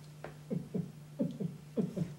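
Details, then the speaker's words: Fetal heartbeat of a baby boy heard on a Doppler monitor while the mother reports he is kicking: rapid, soft, rhythmic whooshing thumps. "y'all want to hear the baby heartbeat listen"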